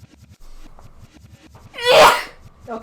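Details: A single loud sneeze preceded by a short indrawn breath, over quiet background talk, in a compilation of sneezes.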